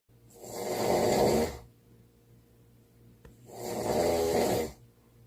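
Two long, rattling snores on inhalation about three seconds apart, with quiet pauses between: ordinary snoring.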